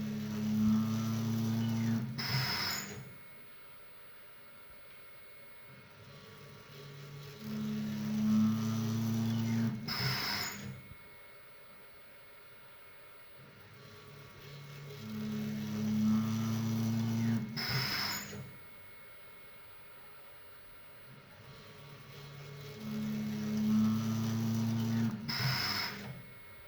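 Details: A prototype electromechanical mechanical ventilator made in Ethiopia cycles about eight times a minute, with a motor hum and a sharp valve release each cycle.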